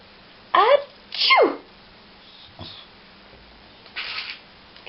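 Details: Dog clicker-trained to sneeze on the cue "Achoo": two short, sharp nasal bursts in a quiet room, a sneeze performed on command as a trained behaviour.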